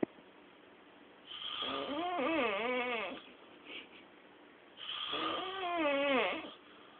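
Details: Snoring during sleep, loud enough to keep the whole house awake: two long, vibrating snores with a wavering, whistly pitch, roughly 17 breaths per minute.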